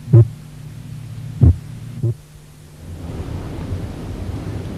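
Three slow, unevenly spaced low heart thumps of changing loudness, then steady rushing noise; variable first heart sound of complete (third-degree) heart block.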